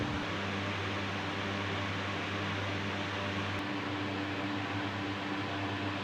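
Steady mechanical hum with a low drone and airy hiss, typical of a running nebuliser compressor.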